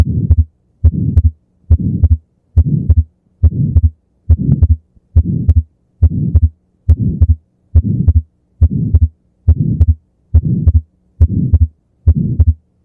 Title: Murmur of ASD and Wide fixed splitting of second heart sound (S2) |Use Headset for better experience